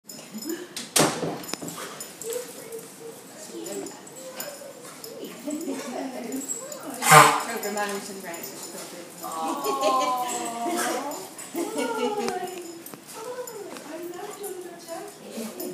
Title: Kennel Cough in Dog